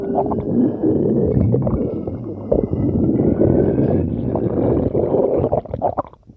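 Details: Loud, continuous low rumbling and groaning with rising squeaky tones; borborygmi, empty stomach growling.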